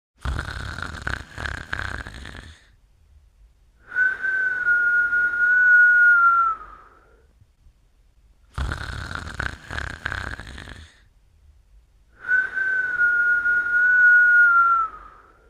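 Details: A rattling snore on each in-breath, then a long whistling tone on each out-breath, over two slow cycles; snoring with a nasal whistle.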